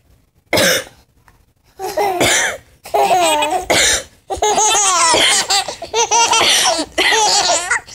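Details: Adult mother gives a single sharp cough, followed by bursts of bubbly high-pitched laughter from her 7-month-old twins.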